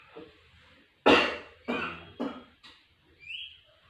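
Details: Nursing demonstration of deep breathing and effective cough with a male patient: inhale through the nose, exhale through the mouth, then one strong cough followed by two weaker coughs to clear the airway.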